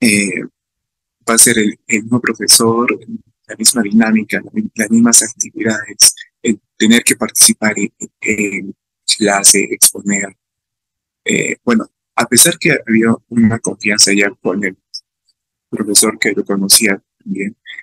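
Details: Adult man with stuttering, speaking Spanish at a stuttering festival about his own experience of stuttering; stuttering.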